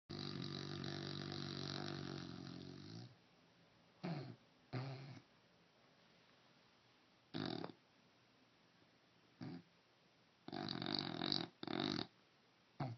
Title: Gross Dog Snoring